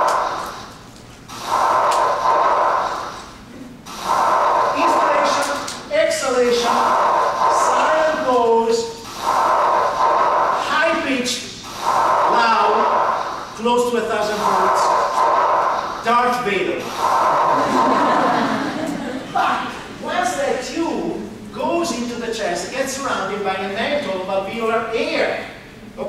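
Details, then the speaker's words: Normal tracheal breath sounds heard with the stethoscope over the trachea, played in a teaching workshop: loud, harsh, high-pitched breathing in and out with a silent pause. "let's start with that bread sounds here's your trick if you pull your stos cope of your tricka you would hear a sound like this"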